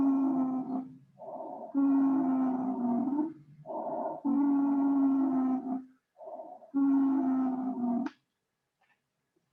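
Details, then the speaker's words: Wheezes on stethoscope auscultation: high-pitched, musical, whistling tones on repeated breaths from air passing through airways narrowed by bronchospasm. "pudieron apreciar es parecido a un silbido es producido por el paso del aire a través de las vías aéreas estrechadas se producen cuando hay un broncoespasmo"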